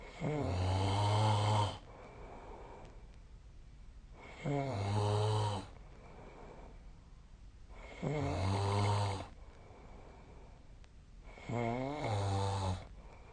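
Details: Snoring during sleep: loud, rumbling snores on each in-breath, about 16 per minute, separated by quiet pauses.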